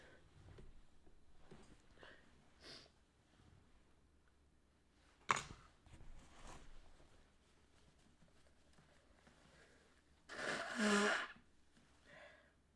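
Quiet sniffles and nose blowing in a small room, with a sharp burst near the middle and a louder sustained blast toward the end.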